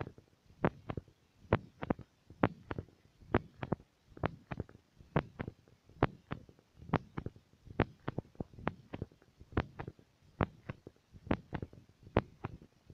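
Steady two-part heartbeat through a stethoscope, roughly 66 beats a minute.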